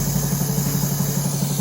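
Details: Air-driven dental motor with irrigation, used in place of a clinical micromotor, running quietly; steady low hum with soft regular pulsing and faint high hiss.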